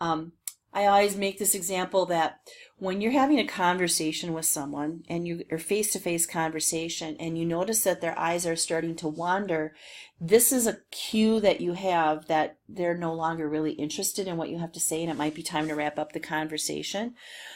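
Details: Adult woman speaking; normal speech.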